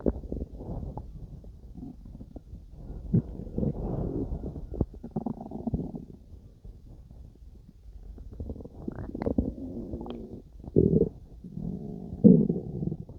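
Irregular low gurgles and rumbling bursts from the belly: ordinary stomach growling during digestion.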